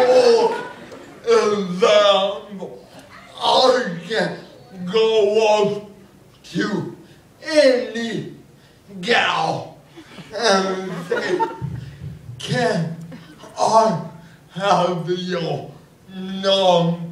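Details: Adult man with cerebral palsy performing stand-up comedy about his life with the condition; dysarthria (cerebral palsy).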